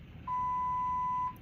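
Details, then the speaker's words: Infusion pump alarm at a hospitalized adult's bedside during an acute illness workup: a single steady electronic beep lasting about a second over quiet room noise. "now I'm beeping um so somebody comes in we'll hit stop and try to have this"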